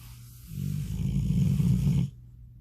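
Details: A single low, rattling inhaled snore lasting about one and a half seconds, then quiet; snoring.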